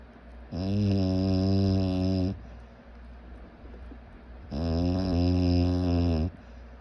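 Two loud, buzzing, droning snores with quiet gaps between breaths, about four seconds apart; heavy snoring.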